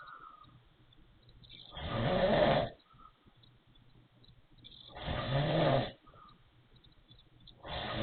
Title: wheezy snoring